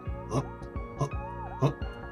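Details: Adult male with Tourette syndrome, diagnosed in elementary school, imitating the constant, uncontrollable childhood vocal tic that later changed to a head-twitch tic around 8th–9th grade; simple vocal tic (Tourette syndrome).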